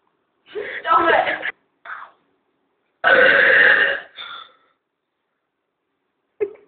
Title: Best Burping part 2